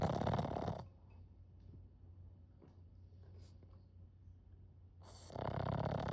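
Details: Puppy snoring deeply while asleep.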